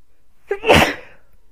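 A single forceful sneeze with a short in-breath before the burst.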